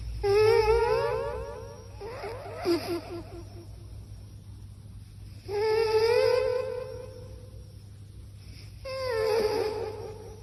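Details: Cat snoring during sleep, recorded with a microphone.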